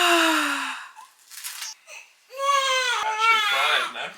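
Two loud, clear crying bursts from a newborn with a short pause between; an ordinary healthy newborn cry.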